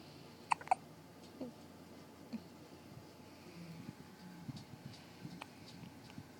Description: Kinda long but she has hiccups